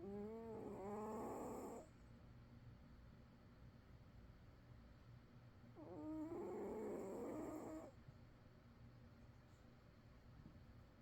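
Two long, rough, wavering breathing noises about six seconds apart, with quiet pauses between them: a cat snoring in sleep.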